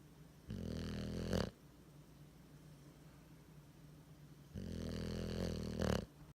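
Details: Bulldog sleeping with tongue hanging out; two long, loud, rattling snores about four seconds apart, each ending in a sharper snort, in a quiet room; loud snoring.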